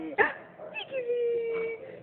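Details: Single short, sharp cough from a 16-month-old toddler, followed by a drawn-out whiny vocal sound.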